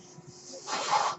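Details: The speaker's own mechanical ventilator, recorded during his talk: after a quiet moment, a soft airy hiss swells as the machine delivers a breath. Mechanical ventilator breath cycle.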